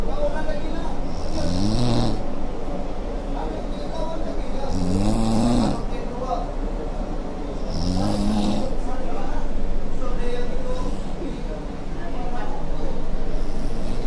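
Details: Very loud, rumbling snoring from a boy, about four deep vibrating breaths over a steady roar of noise: snoring.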